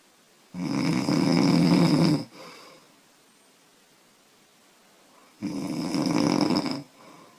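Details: 25-year-old woman snoring loudly after drinking beer: two loud, long, rattling snores separated by quiet breathing, several seconds apart.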